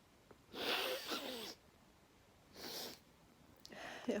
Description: Loud sneezes, covered and uncovered. Some nose blowing.